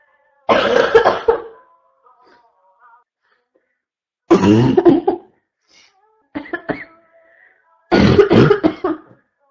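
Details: Constant barking cough, labelled "4 (f)": three loud, harsh coughs at spaced intervals, each a strong rough burst with a brassy, barking quality.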